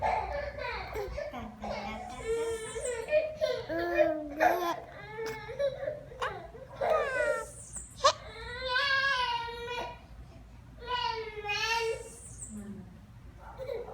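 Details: Infant vocalising in wavering, cry-like, sing-song bursts with short breaks between, described as the baby singing; possible hiccups; fussing or crying baby.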